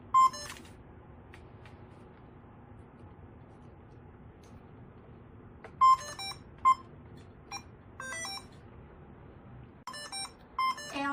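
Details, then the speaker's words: Sharp electronic beeps and tones from a DI 2200 two-line infusion pump over quiet room noise: an occlusion alarm, possibly from a closed clamp or a blocked injection site, signalling loss of infusion-set patency. "다섯 번째 알람 해결 방법입니다. 어클루전 수익 세트 개방성 문제입니다. 조절기가 잠긴 경우 주사 삽입 부위가 막힌 경우 개방성을 확인합니다."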